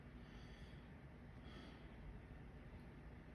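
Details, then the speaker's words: Lung auscultation with a stethoscope, first on the front of the chest and then on the back, while the patient takes repeated deep breaths on command; normal breath sounds with no adventitious sounds. "We are going to auscultate lung sounds and listen for any adventitious sounds."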